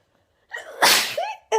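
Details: One short indrawn breath, then a single explosive sneeze from a person who says they are sneezing a lot at the moment.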